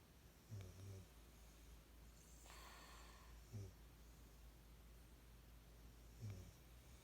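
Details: Female dog sleeping; soft, low snoring with a few rattling breaths and a quiet snort over steady low room hum: dog snoring.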